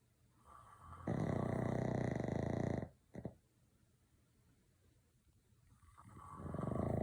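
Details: Snoring: loud, rough, fluttering snores of about two seconds each, separated by quiet pauses.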